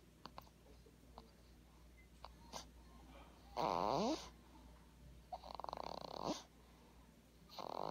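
Loud, fluttering snores with rattling vibration, roughly every two to three seconds, between soft clicks; snoring during sleep.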